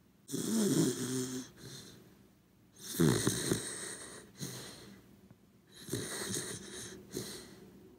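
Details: A sleeping corgi dog snoring in a quiet room: irregular rattling snores with snorting breaths; ordinary snoring.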